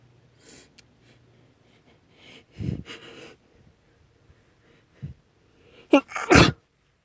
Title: Snotty Sneezes and Sniffles (F)